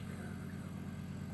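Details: Training-lab demonstration of endotracheal tube suctioning, catheter advanced about 30 cm to the stop before suctioning: steady low motor hum of the running suction machine, no clear gurgling of secretions.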